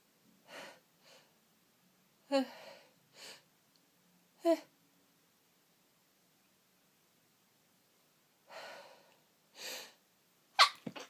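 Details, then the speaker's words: Very sniffly person with streaming eyes in a sneezing fit: several quiet breathy build-up gasps, two short stifled sneezes, then a sharp loud sneeze; false starts and stuck sneezes. "And it keeps teasing me with false starts, stuck sneezes, and I am very, very sniffly. I just need to sneeze."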